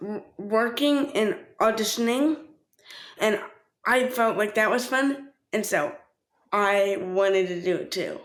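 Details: Speech impairment in a 13-year-old boy with cerebral palsy from a brain injury before birth, affecting his motor system, walking and sometimes speech, with cortical visual impairment.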